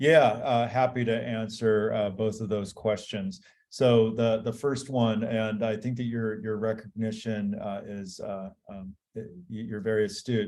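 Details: Adult man; Normal speech.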